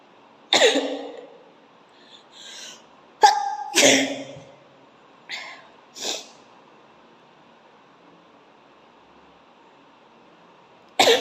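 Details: Comedic sneezing-challenge clip, sneezes induced with coconut coir fibre and grass: several sharp, explosive sneezes with short breaths between them in a quiet room; repeated sneezing.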